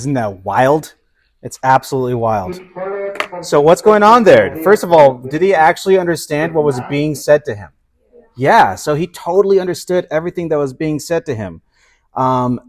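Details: Adult speakers, likely lecturer and questioner; normal speech.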